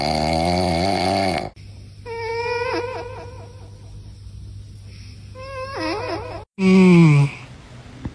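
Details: A sleeping female cat makes rhythmic nasal snoring, with whistling, squeaky tones on some breaths and a louder snort near the end.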